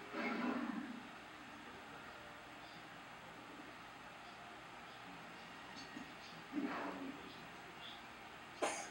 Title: cough